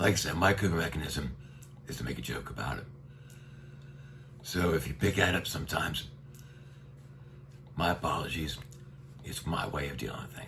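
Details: Adult man with neck cancer treated with radiation that brought his vocal cords very close together, tracheostomy for a year, speaking through a one-way speaking valve; rough, low voice; dysphonia with tracheostomy speaking valve.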